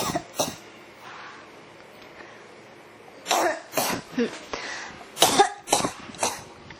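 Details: Cough that won't stop: repeated dry, short coughs with some throat clearing, about eight bursts in clusters; persistent cough.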